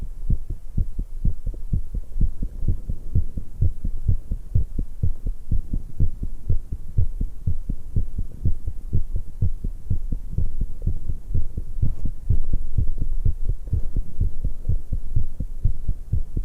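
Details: Fast, strong, pounding heartbeat of a 19-year-old female at about 125 beats a minute after exercise, with a few gurgling stomach sounds and swallowing from drinking tea.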